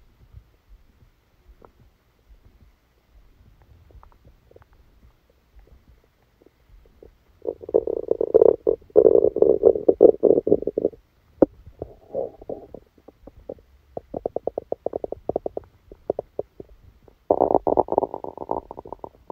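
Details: Stomach rumbling from an abdomen with a stomachache after Christmas dinner, recorded while the person slept: bursts of gurgling, croaking rumbles with quiet stretches between; bowel sounds.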